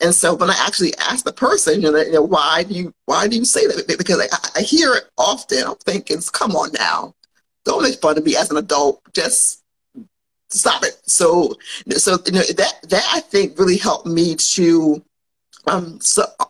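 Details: Adult woman who has stuttered since childhood and still stutters, having had speech therapy in grades 2-5 and in middle school; persistent developmental stuttering.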